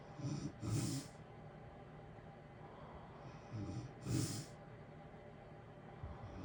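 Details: Natural snoring during sleep: two soft snoring breaths about 3.5 seconds apart over steady heater white-noise hiss.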